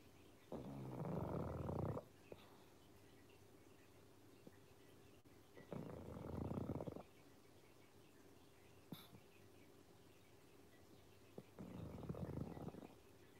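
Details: Sleeping pug dog on a beanbag snoring: three low, rattling rumbles, about 11 breaths a minute, with quiet gaps between.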